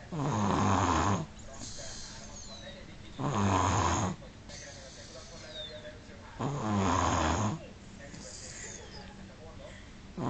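Loud, rhythmic rattling snores on each breath in, about 19 breaths a minute, with quieter breathing between them.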